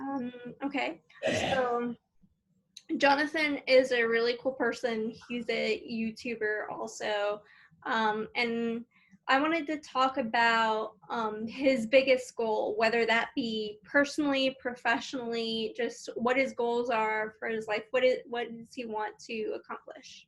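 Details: Adult woman speaking; ordinary speech.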